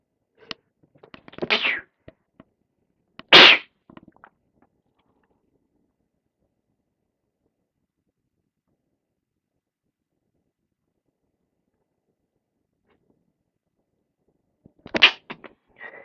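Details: Sneezes from a person with a cold that is mostly in the chest with a dry cough, recorded throughout the day: a few short, half-stifled sneezes, then a long quiet gap before one more muffled sneeze.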